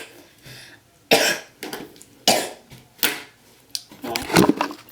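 An adult coughs in a rapid run of about six harsh, explosive bursts, ending in a rougher, drawn-out cough; a coughing fit.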